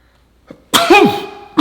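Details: Sneezing in a comedy skit: a brief in-breath, then one sharp explosive sneeze with a voiced tail, and the start of another at the end.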